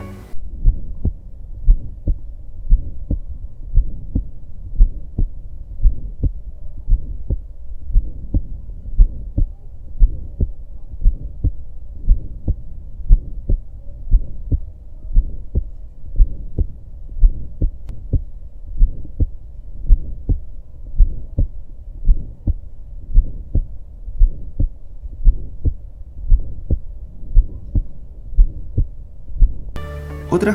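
Regular heartbeat at about 58 beats a minute, with a rough murmur rising and falling between the first and second sounds: the midsystolic murmur of aortic stenosis.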